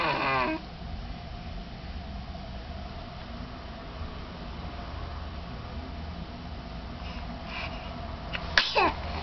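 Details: A single sharp sneeze burst near the end, after a brief voiced cry and steady room noise: sneezing.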